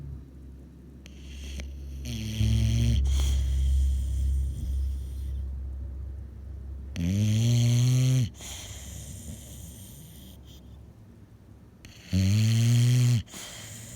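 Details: Bulldog snoring: loud, rough, voiced snores with a drawn-out vibrating quality, about one every few seconds with quiet gaps between.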